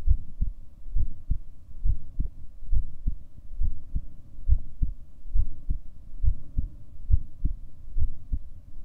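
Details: Steady low thumping heartbeats at about 68 a minute, each a soft paired beat over a faint hum; ordinary self-recorded heart sounds.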